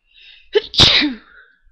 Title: stiffles, sneezes, blows